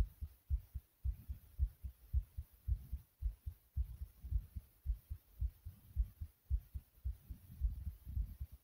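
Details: Own fast heartbeat (tachycardia): rapid, regular paired heart thumps at about 110 beats a minute.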